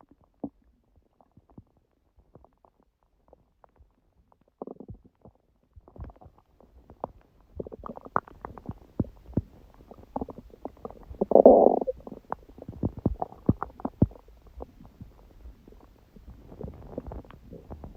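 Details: Stomach growling recorded at 1:30 am after waking, six hours after eating too much udon at 19:30, the first gluten in a while: irregular gurgles, pops and a brief low growl against near silence; active ordinary borborygmi.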